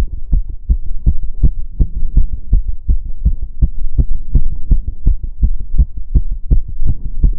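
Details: Fast heart sounds recorded on own chest while exercising with step-ups (stair-stepping exercise); rapid heartbeat during exercise.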